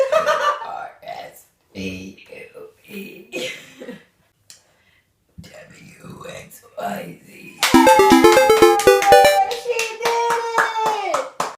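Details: Girl deliberately burping the alphabet, letters shaped into spoken sounds (c, d, e, f, g, h), followed by music: voluntary belching.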